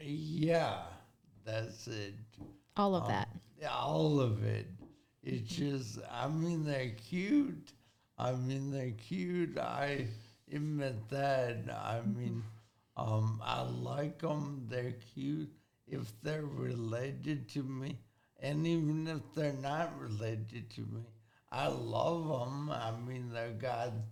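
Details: Acquired speech impairment in a 40-year-old man with severe traumatic brain injury from a car accident at 19, about 21 years earlier. The injury affected his thinking, processing time and speaking speed. He relearned to talk and has had speech therapy.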